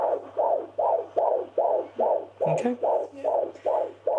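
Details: Doppler check at a GP visit of a pregnant woman with severe lower back pain and blood in her urine; weeks not stated. Fast, regular whooshing beats, about 145 a minute; a normal fetal heart rate.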